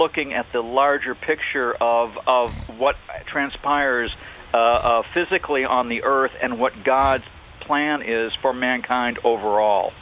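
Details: Adult male speaker, radio broadcast; ordinary speech.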